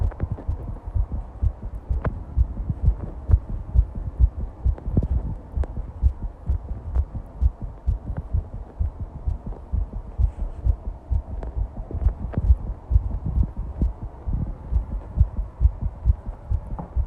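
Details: Fast heartbeat recording: rapid, deep heart thumps repeating quickly over a low hum; tachycardia.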